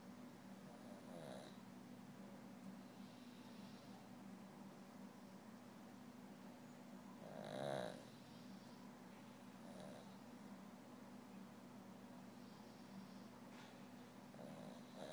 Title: snoring